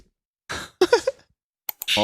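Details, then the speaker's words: Near-sneeze triggered by bright light (photic sneeze reflex): an adult's rising "ah… ah…" build-up that fades without a full sneeze, after staring at bright stage lights; sunlight also triggers sneezing. "어 근데 자꾸 제체 나올 거 같은 느낌이어서 진짜 아 안 나와 코가 간지러워요 햇빛을 보면은 재책이를 합니다"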